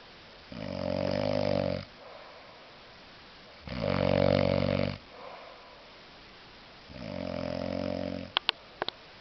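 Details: Very drunk adult man sleeping off a heavy drinking session: loud, rattling snores on each in-breath, about 20 breaths a minute, with quiet out-breaths between.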